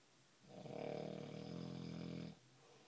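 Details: One long, rattling, buzzy snore of about two seconds in a quiet room; snoring.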